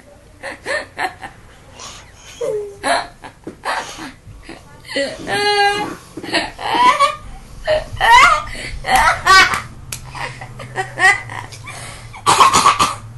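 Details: Coughing during laughter: bursts of voiced laughter broken by short, harsh coughs, with faint background noise.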